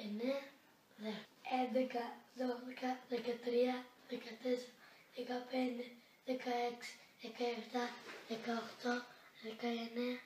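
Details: Young girl with vocal fold nodules, counting at normal voice and speed during a voice therapy before/after demonstration; vocal fold nodules.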